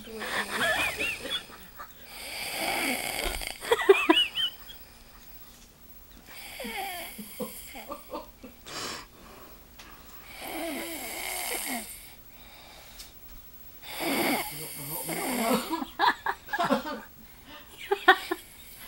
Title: i don't snore!!!